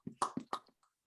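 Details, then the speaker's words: A person imitates bear jaw popping with four quick wet lip-smacking pops, a defensive warning sign that black bears and grizzlies give when you are too close. "smack their lips together back and forth and you'll hear their lips smacking that's what we call jaw popping if you are too close you can definitely hear this"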